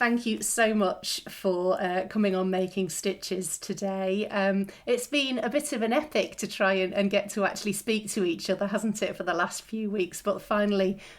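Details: Adult woman speaking; normal voice.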